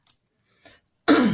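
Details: Teacher coughing while giving a math lesson: faint throat sounds, then a single loud, harsh cough burst.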